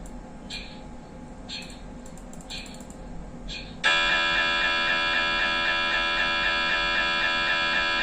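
Faint rhythmic tapping, then an abrupt loud, steady buzzing drone with fast regular pulsing, typical of an MRI scanner during imaging.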